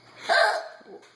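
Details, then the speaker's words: Adult woman with persistent hiccups after drinking a martini: a single sudden, sharp voiced gulp followed by a softer trailing sound in a quiet room. "I realize you worked hard for your money, but I the hiccups won't go away."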